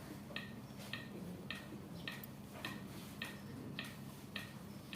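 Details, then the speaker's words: AED trainer in training mode during a CPR demonstration, prompting compressions until cycles complete: steady electronic clicks at about 104 per minute, metronome pacing; real units lack this beat. "ini sampai l siklus dia suruh kita sampai l siklus tapi kalau yang yang bukan untuk latihan ini tidak ada perintahnya untuk itu tidak ada ketukannya"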